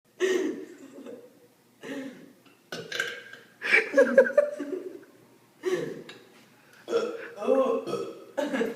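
A series of loud, drawn-out belches with brief pauses between them; repeated burping.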